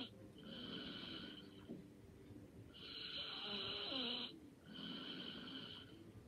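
Three soft snoring breaths with a whistling tone, about two seconds apart, in a quiet room. Light snoring during sleep.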